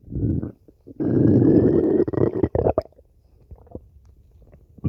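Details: Hungry woman who skipped breakfast: low gurgling rumbles and a sustained growl, then bubbly pops: stomach growling (borborygmi).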